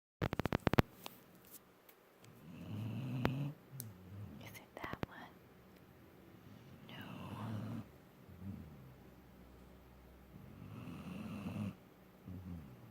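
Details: Sleeping puppy snoring alongside its sleeping littermates: soft, low, rumbling breaths recur every few seconds, with some handling clicks at the start.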